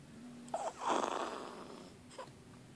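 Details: Baby snoring when very tired, also suckling: soft snorting, rasping breath noise with a brief squeak in a quiet room; light infant snoring.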